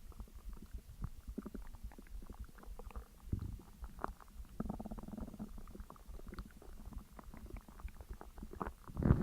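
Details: Stomach noises after eating a McDonald's meal (double cheeseburger, large fries, large coke, caramel McFlurry): low gurgling rumbles and bubbly clicks that come and go, with a longer gurgle midway; digestive bowel sounds (borborygmi).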